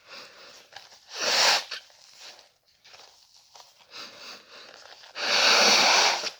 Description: I really wanted to upload a new video, even without having a cold, so I made myself sneeze a couple of times until I needed to blow my nose.